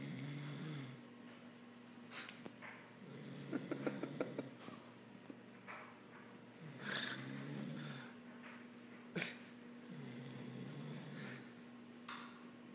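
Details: Ordinary snoring: low rumbling snores on each breath in, with quieter breaths out between, about four breath cycles over thirteen seconds, recorded late at night.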